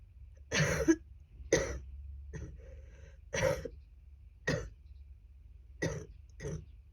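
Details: Wet, productive cough from a person with a cold, at its worst; the person thought it might be pneumonia. Seven harsh, loose, phlegmy cough bursts, some with throat clearing, and heavy sputum.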